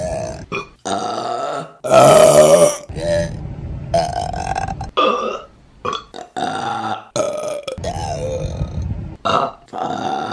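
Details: A run of loud, drawn-out belches with brief pauses between them; repeated burping.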